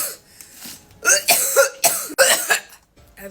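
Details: An adult gives a quick run of about four harsh, dry coughs right after inhaling pink berry vapour from a vape.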